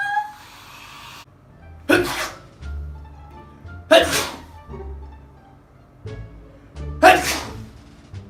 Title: Types of sneezes